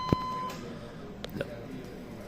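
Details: Electrosurgical unit (electrobisturí) in cut mode during a lab demonstration, with output shown on an oscilloscope at about 511 kHz and power raised to 20, 25 and 85: brief steady high activation beep, then faint clicks.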